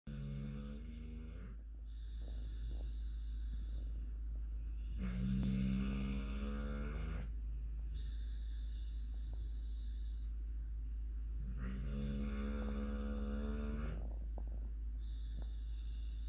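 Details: Female dog snoring loudly while asleep, described as quiet for her: loud, rhythmic rattling snores with each drawn-out, buzzing inhalation; ordinary snoring.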